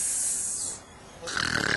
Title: snoring